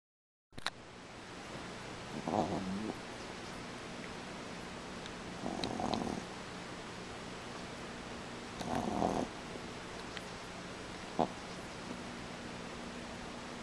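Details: Soft, rough breathing noises every few seconds over quiet room hum from a female pet still under sedation after being neutered; light snoring during sleep.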